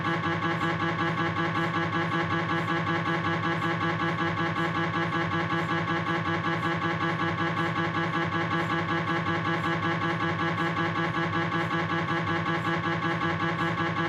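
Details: Loud, steady, rhythmic buzzing and knocking, pulsing about once a second, from a Philips 1.5T MRI scanner during a knee examination; MRI scanner noise.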